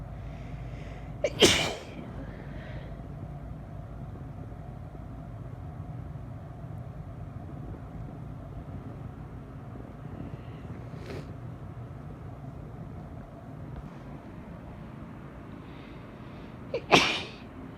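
Two sharp, explosive sneezes about fifteen seconds apart, with a fainter burst between them, over steady low background hum.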